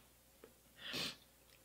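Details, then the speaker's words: Adult female makeup vlogger, mid one-take makeup tutorial, tries to suppress an impending sneeze; a brief catch of breath, then one sharp, hissing burst of air: a single sneeze. "guys this is why we have to edit the video i'm literally about to sneeze oh okay"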